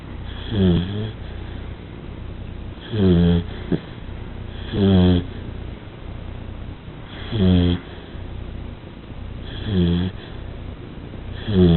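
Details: Snoring during sleep: regular, deep, rumbling snores, about 14 a minute, with quieter breathing between them; steady snoring.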